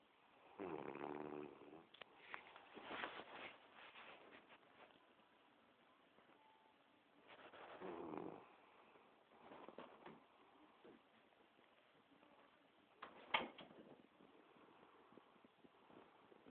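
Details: Sleeping dog: irregular rattling snorts and snores at uneven intervals, with quieter noisy breaths between; snoring.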